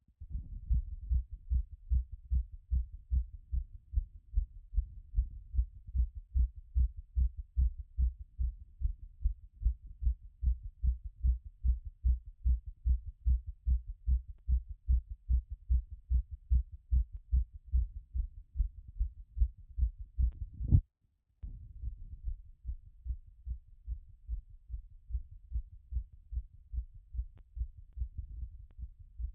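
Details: Own heart through a stethoscope after a workout: fast, regular heartbeat slowing from a peak around 180 a minute but still quick; heart sounds after exercise.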